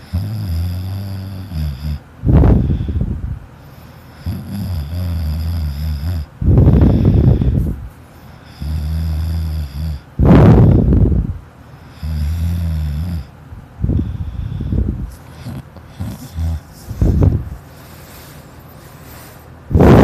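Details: Child asleep: loud rattling snores alternating with quieter breaths, roughly every 4 seconds, about 15 breaths a minute; noisy snoring in childhood.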